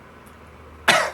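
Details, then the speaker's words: Single short, harsh cough near the end after faint room hum, from a person still recovering from COVID who tested negative the night before: lingering post-viral cough. "And I'm still recovering from COVID. I tested negative last night, but I got a bit of a cough, as you can hear."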